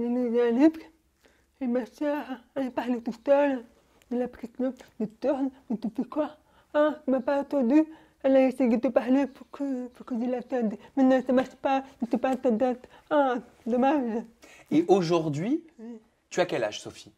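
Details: Young woman born profoundly deaf speaking French orally without an interpreter; finding: deaf speech.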